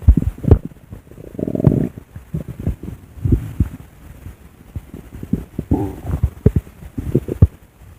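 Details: Loud low gurgling and rumbling with bubbling pops and groans from gas and fluid moving through the gut; recorded stomach growling (borborygmi).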